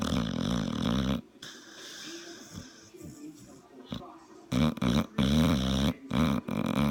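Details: Sleeping dog: loud, rough, rattling snores in bursts separated by quieter breathing; heavy dog snoring.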